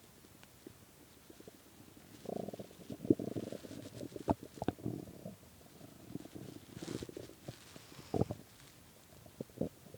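Low gurgling, rumbling gut noises with bubbly pops and a longer sustained growl, typical of an empty, hungry stomach: borborygmi.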